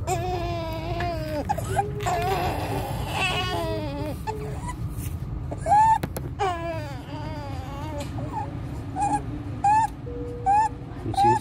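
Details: 15-day-old full-term newborn crying with high-pitched crowing on each breath in, inspiratory stridor increasing with crying and feeding, with severe chest indrawing, suprasternal and intercostal retractions and desaturation; differentials include congenital laryngomalacia, laryngeal nerve palsy, vascular ring.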